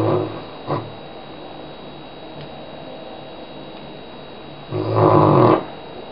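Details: Dog snoring heavily in sleep around 11 am: loud, harsh snores with a long quiet gap between, over steady room noise.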